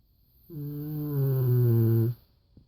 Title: Cane Corso snores like a grown man!